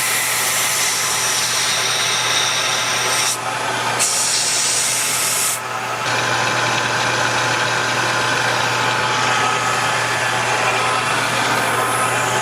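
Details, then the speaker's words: Sierra Dental LRV-4 wet dental vacuum pump (2.1 hp single-phase motor, 230 V) running in a priming test with the inlet covered and the gauge at 14 inHg: steady hum and hiss, with a brief drop in noise midway. "Now just allow the pump to run for about 10 minutes and then come back and look for any leaks."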